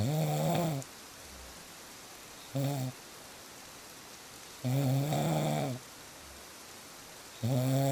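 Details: Deep, droning inspiratory snores roughly every three seconds, irregular in length, over a steady hiss of rain; presented as real snoring sounds.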